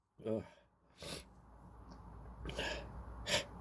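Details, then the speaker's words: A run of four cold sneezes, each a sudden explosive burst with a brief catch of breath before it, over light room noise; sneezing. "Excuse me. Excuse me. I'm gonna sneeze again. Gosh."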